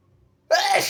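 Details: A quiet moment, then one abrupt, very harsh, forceful sneeze from a sick nonbinary person (he/they) who also coughs harshly.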